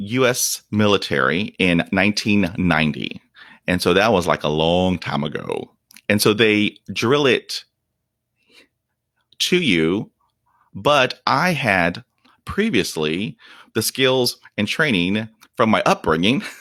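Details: Real, unedited speech of a 48-year-old man who has stuttered for 43 years. Onset was at age five, when shock/trauma from a dog attack left him at 0% fluency. He reports blocks without breathing, trouble with S, H and P sounds, and facial tics. Stuttering.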